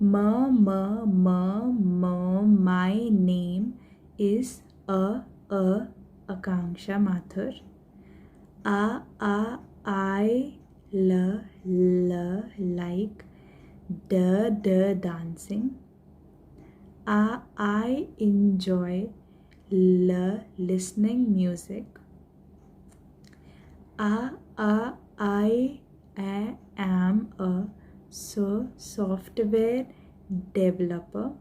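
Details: Adult woman who stammers, introducing herself with the bouncing technique, repeating a word's first sound any number of times; voluntary stuttering (bouncing technique).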